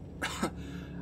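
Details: Two short, rough, hacking coughs over steady background noise, from an adult with a painful, failing voice coughing constantly while narrating video gameplay; cough.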